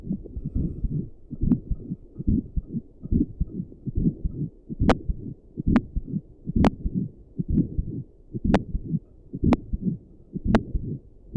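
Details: A person's own heartbeat, recorded with Doppler and stethoscope audio while sitting at a desk for five minutes, with a visible neck pulse: heartbeat.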